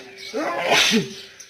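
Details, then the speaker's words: Man in an uncontrollable sneezing fit: a rising voiced intake, then a single sharp, hissy burst of air; one sneeze. "This man can't stop sneezing. Have you ever seen anything like it? Why do you think he's sneezing so much?"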